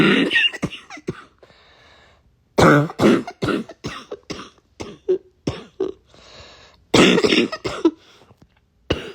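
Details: Congested wet cough during a cold with chest congestion: three bouts of harsh, repeated, barking coughing with noisy breaths between.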